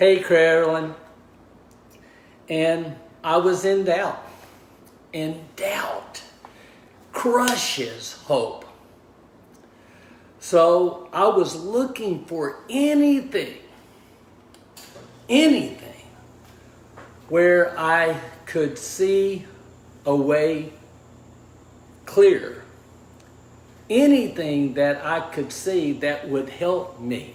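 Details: Aphasia after a stroke in a man of about 61 at onset, diagnosed 26 months earlier; initially unable to talk, write or communicate, now relearning speech, reports mixing up words and slowing down to avoid slurring.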